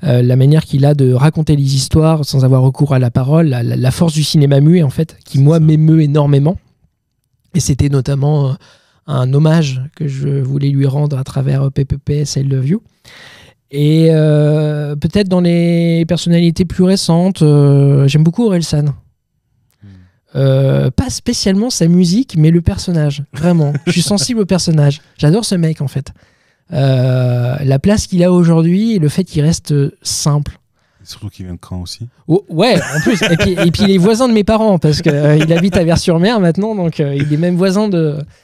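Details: 31-year-old man with stuttering that he says is now mild after working on it a lot; stuttering.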